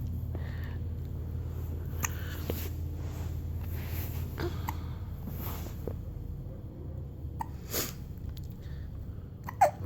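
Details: Baby boy with hiccups: several short, sharp hiccups at irregular intervals over a steady background hum.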